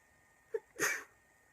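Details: A girl with a really bad cold in a sneezing attack: a brief in-breath followed by a single sharp, hissing sneeze.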